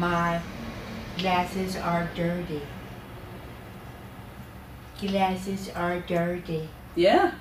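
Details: Woman with severe Broca's aphasia repeating a practiced phrase during experimental tDCS-assisted intensive aphasia treatment (5 hours daily), within her first three tDCS sessions.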